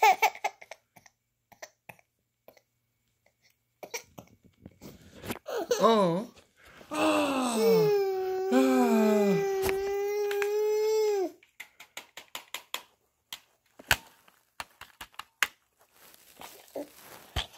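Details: Infant during tummy time training: fussing builds into a sustained high-pitched wail lasting several seconds, then settles into quiet movement noises; brief infant crying.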